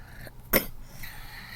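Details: A single short, sharp cough from a young girl in a quiet room.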